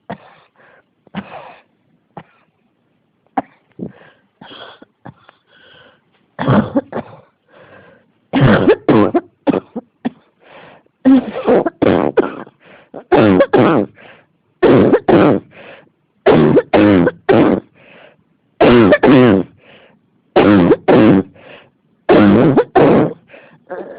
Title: 咳が止まらない 41 cough